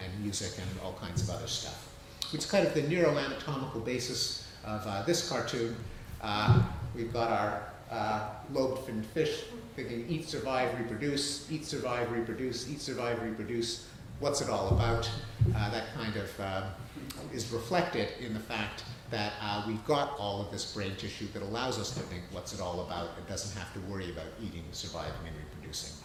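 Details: Adult male speaker; ordinary speech.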